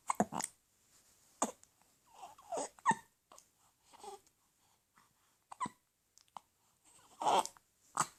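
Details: 4-week-old infant with hiccups: brief, abrupt catches of breath recurring at irregular intervals in a quiet room.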